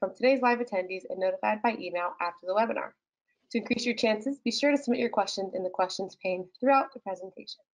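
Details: Adult female speaker; normal speech.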